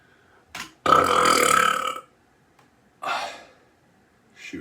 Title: Relax and burping( long version)